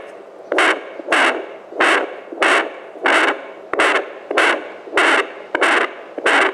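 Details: Bestman BF500D+ fetal Doppler, a device for hearing fetal heartbeat from 12 weeks of pregnancy: steady, rhythmic whooshing pulses at about 90 a minute picked up by the probe.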